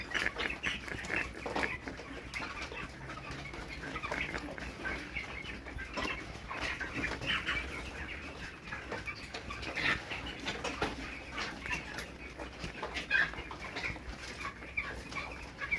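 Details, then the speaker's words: Flock of chicks peeping with frequent short snicking, cough-like bursts, wheezing and rough breathing; owner thinks it is CRD, with 11 chicks lost today; chronic respiratory disease in chickens. "is wizzing coughing and bad loss today I've lost so many chickens today so far I've lost 11 chicks"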